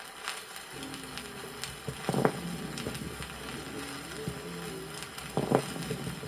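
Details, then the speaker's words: Lung auscultation in a patient with bronchiectasis and pneumosclerosis: moist sonorous crackles on inspiration and dry rhonchi on expiration, low snoring rhonchi with bursts of coarse bubbling crackles. "иногда сухие и влажные хрипы выслушиваются вместе послушайте аускультативно картину в лёгких у больного с бронхоэктатической болезнью и пневмосклерозом на вдохе определяются влажные звонкие хрипы А на выдохе сухие"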